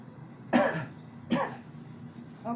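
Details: Two short, harsh acted cough bursts from an adult, followed by the start of a third, in a clip about abdominal muscle strain from coughing during a cold.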